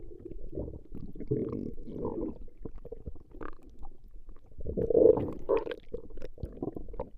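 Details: Recording of a woman's stomach growling: low, irregular, bubbling gurgling and rumbling bowel sounds; ordinary borborygmi.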